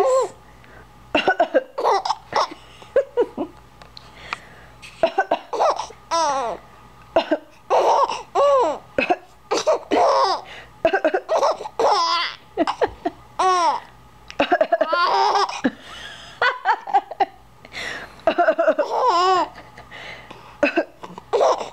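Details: An adult fakes short, repeated coughs after a real coughing bout while a baby answers with bursts of giggling laughter; voluntary fake cough.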